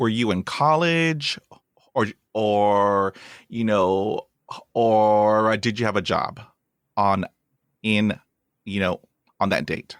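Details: Real speech from the host of a podcast by and for people who stutter: stuttering.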